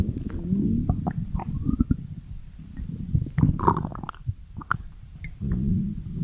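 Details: Stomach growling (borborygmi): low, irregular gurgling and rumbling from the abdomen as gas and fluid move through the gut.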